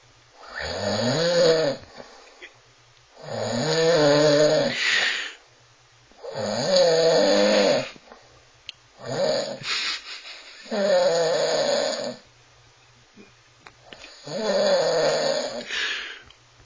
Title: the snoring monster!!!